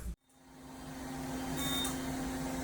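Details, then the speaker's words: Steady electrical hum with a faint high tone from a fractional CO2 laser running as skin-resurfacing and skin-tightening treatment starts, done in a plastic surgeon's office; CO2 laser machine running. "So, the CO2 laser has come a long way. As you see, this laser can now be done in the office, without so much as just a topical or a light anesthetic."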